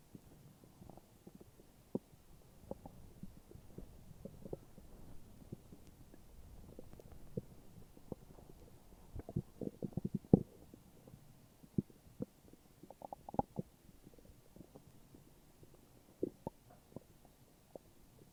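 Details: Morning stomach growls: irregular low gurgles and rumbles of an empty stomach; ordinary borborygmi.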